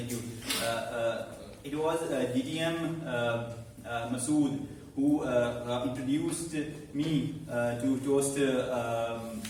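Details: Man who stammers, about eight to nine months in a stammering support speaking club, speaking live as meeting host; stuttering.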